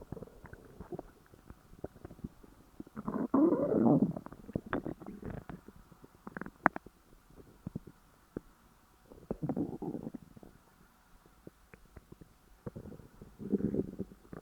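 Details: Stomach growling after overeating: low gurgling growls and rumbles in several bursts with quiet gaps, active digestion.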